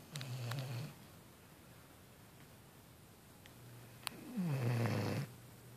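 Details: 6-month-old female Vizsla asleep and snoring after a tiring beach workout with a 4-year-old dog; two low, vibrating snores with a quiet pause between them.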